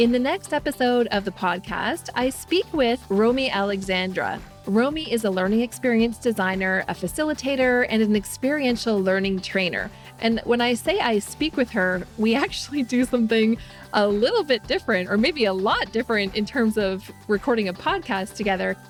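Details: Adult speaker (podcast host) with background music; ordinary fluent speech.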